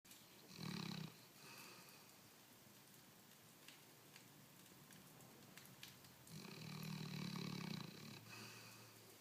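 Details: Almost 16-year-old female dog wearing a cone after leg surgery, who always snores, sleeping: snoring.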